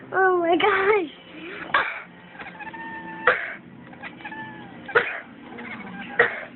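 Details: Cough, with a pet chattering in response.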